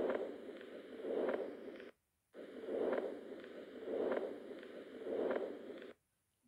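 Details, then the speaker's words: Continuous murmur: unbroken rushing murmur that swells and fades with each slow beat, running through both systole and diastole, its intensity varying between them. "murmurs are audible during both systole and diastole although their intensity usually varies during systole and diastole"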